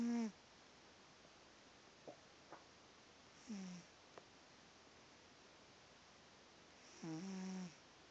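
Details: Sleeping cat snoring: three or four brief, low, buzzing snores spaced irregularly in a quiet room, with soft clicks between them.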